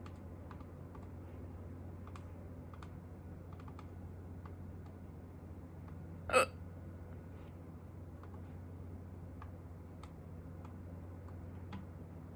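A single sharp, abrupt hiccup breaks a quiet stretch, with faint tapping and room hum behind it.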